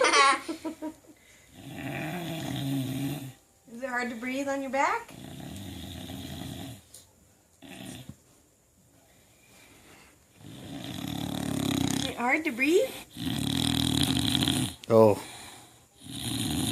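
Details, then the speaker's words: Female dog snoring while awake: loud rattling snorts on each breath with a few whiny vocal squeaks between them, snoring-type noisy breathing. "Belle say something okay you're snoring while you're awake"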